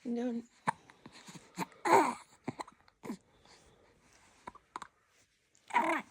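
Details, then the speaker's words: A newborn baby girl with hiccups while trying to be happy: soft coos and fussing broken up by short, sharp catches in the breath. "no you don't like the hiccups on Mama you're trying to be happy but man how do I do that with the hiccups how do I do that h it's hard"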